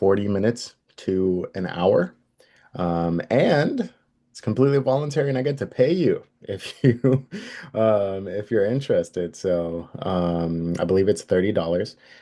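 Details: Adult male speaker; Normal adult speech.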